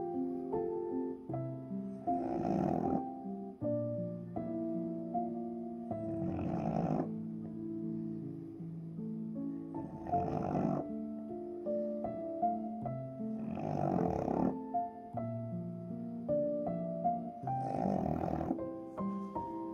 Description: In this video, you can enjoy an incredibly delightful sight - a pug who is blissfully asleep and emits unmatched snoring sounds.